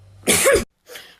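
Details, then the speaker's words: Acted adult cough in a comedic skit: one forced, loud, sharp burst, a brief pause, then a softer breathy tail. "Чтобы вот так вот не кошлять, надо меньше снега жрать."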